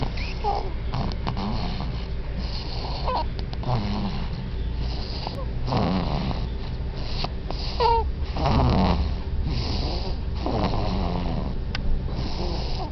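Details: Sleeping baby snoring, described as very loud: soft, irregular, snuffly snoring and snorting breaths over steady room noise.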